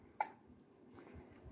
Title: 3 1/2 months baby saying Amma...And baby 👶 hiccups...his face reaction is so sweet 😋 💖.....